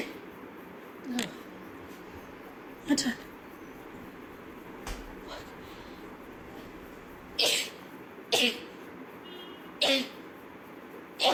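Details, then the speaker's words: Girl sneezing rapidly from dust while cleaning: several quick, sharp sneezes in a row, including a double sneeze, over quiet room noise. "just cleaning that means there's dust everywhere me I'm going to sneeze cuz I can s all day"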